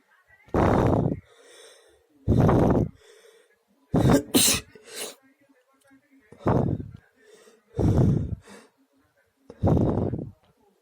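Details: Six forceful sneezes at night in about eleven seconds, each a sharp explosive burst with quiet breaths between; repeated sneezing.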